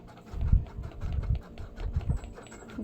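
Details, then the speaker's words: Rapid, low, rhythmic breathy puffs from a puppy panting due to very hot weather; panting. "Hinihingal pa din si papey mga palangga oh dahil po sa sobrang init."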